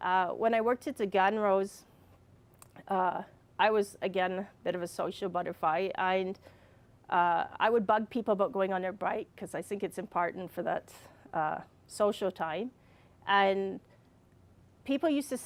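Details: Adult with receptive and expressive aphasia and apraxia of speech from a brain injury caused by a fall, speaking more than four years after the injury; aphasia with apraxia of speech.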